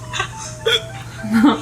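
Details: Three short voiced hiccups in quick succession, recorded on a phone, with a faint steady hum behind them; hiccups.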